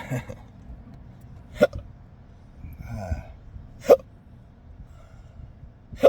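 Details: Person hiccuping while driving, struggling to speak, with no burps: three abrupt hiccup catches about two seconds apart, roughly 28 a minute, over quiet car noise.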